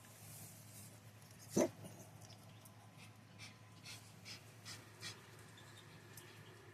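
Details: Dog with "popcorn" coughing of unknown cause: one sharp, abrupt cough, then several soft breathy puffs like panting in a quiet room; finding: cough.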